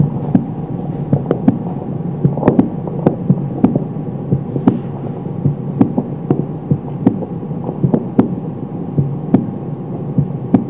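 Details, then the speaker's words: Normal heart sounds at the mitral focus, possibly with the patient lying on the left side: regular, clearly separate first and second sounds, no third sound, some background noise. Teaching recording; real or simulated not stated. "primeiro e segundo são bem individualizados sem terceiro sol algum ruído G1"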